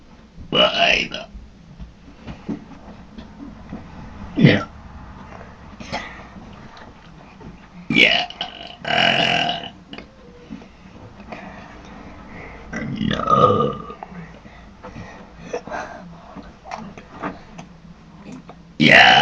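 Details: Several short, forced belches between quiet stretches and talk during a burping contest; deliberate burping.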